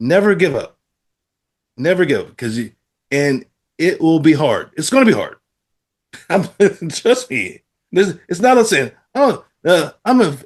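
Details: Adult man with aphasia after a stroke, talking about using app-based speech therapy; aphasia.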